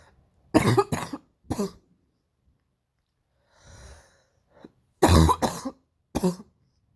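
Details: Painful morning cough: two bouts of harsh, deep coughing, a few bursts each, with a strained breath between them.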